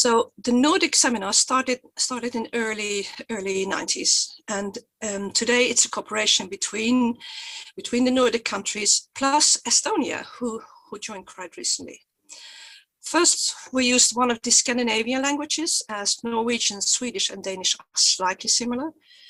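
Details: Stuttering in an adult woman who stutters and presents for the Swedish stuttering association; she says her stutter is quite obvious today.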